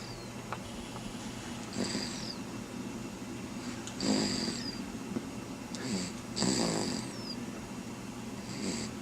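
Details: Rhythmic snoring with a faint whistling edge, about 26 breaths a minute; Anna snoring.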